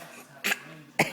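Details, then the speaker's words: Young child fake coughing when asked by an adult: two short, sharp cough bursts; voluntary cough, not from illness. "are you fake coughing you got bad cough oh poor baby got bad cough"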